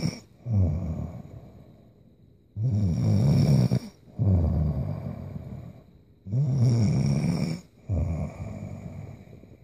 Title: Sleeping Girl Snoring-Vol.7